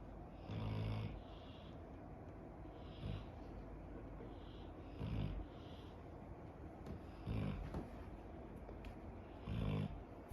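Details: 11-year-old female dog sleeping outdoors after swimming and walking: deep, rumbling snores about every two seconds, with waves and birdsong behind; ordinary snoring.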